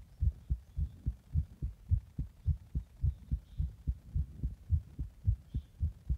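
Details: Fast heartbeat after drinking a Monster energy drink in the bath and then compression: a rapid, regular heartbeat at about 107 beats a minute, each beat a clear pair of low thumps.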